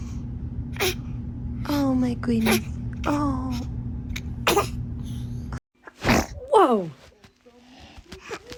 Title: These babies are so adorable when they sneeze